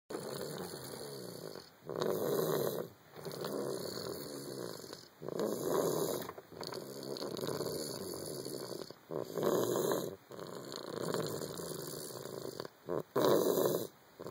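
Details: Sleeping young boy with an ear infection, later found to have croup: loud, rough snoring with every breath noisy, the early sound of croup.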